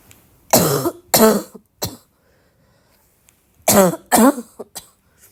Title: trying to read but i have this bad barking cough